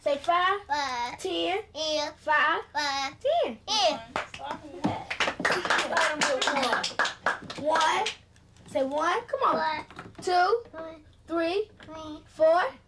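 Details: Voicing with a Passy-Muir speaking valve on, by a patient who has a tracheostomy, bronchopulmonary dysplasia and tracheal stenosis.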